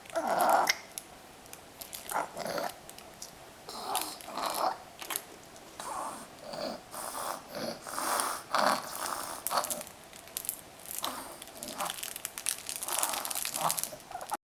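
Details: A 5-month-old boy, a happy wheezer, breathes with repeated rough, grunting, snort-like noises; parents were worried at the time, and by 9 months it was barely audible and gone during sleep.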